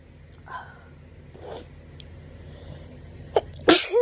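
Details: Autumn allergy sneezing: faint catching breaths, then one loud, sharp sneeze at the end, over a low steady hum.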